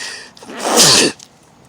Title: My sneeze almost scared these deer away. #shorts #deer #Lovenature